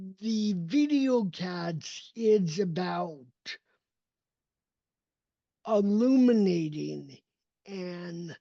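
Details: Dysarthria in an adult man with cerebral palsy, a neurodevelopmental disability affecting his motor development and movement.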